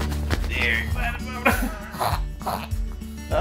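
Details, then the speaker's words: A Chihuahua makes a few short, harsh snorting bursts over background music after digging during its morning routine: reverse sneezing. "reverse sneezing] [laughing] Oh no! Reverse sneezing!"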